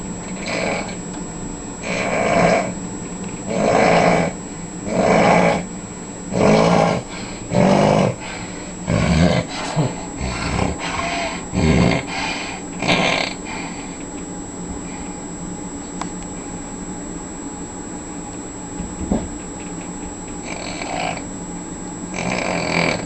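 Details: Loud, rasping snores from someone asleep on a boat cruise, repeating in a steady rhythm, then faster and uneven before fading, over a constant engine hum.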